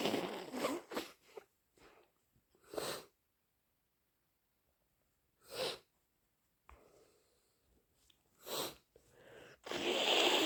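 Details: Several wet, explosive sneezes separated by pauses, with sniffling and a nose blow at the end in a quiet room; sneezes possibly induced, allergies suspected.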